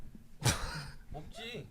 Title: Sneezing with their reaction